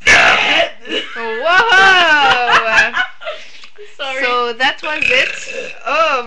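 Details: A young woman burping the alphabet in French: long, loud voiced belches with a rolling, croaky tone, followed by short laughter; ordinary eructation.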